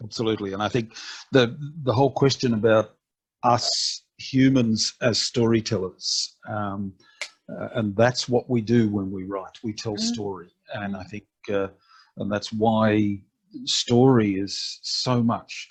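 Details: Adult male speaker; normal speech.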